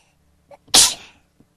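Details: A single sharp sneeze while the person is trying to stop sneezing: a brief intake, then a loud, hissing burst of air that fades within half a second.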